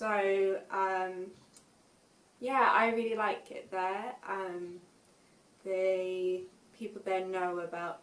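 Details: Aphasia after a stroke at age 19, recorded years later after much speech therapy with much improvement; young woman now working part-time; aphasia.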